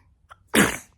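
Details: 11-month-old infant sneezing: small intake of breath then one sharp, explosive burst of air; a single sneeze.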